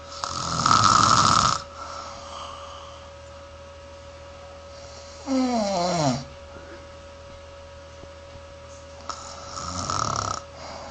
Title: And She Tells Me I Snore